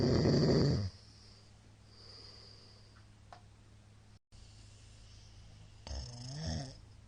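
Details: Middle-aged man sleeping, recorded on 2022-03-21: explosively loud snoring; snoring.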